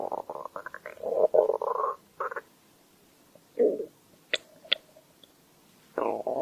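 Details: Stomach growl recorded as a hunger sound: bubbly gurgling rumbles and squeaks in short bursts, ordinary borborygmi from gas and fluid moving through the gut.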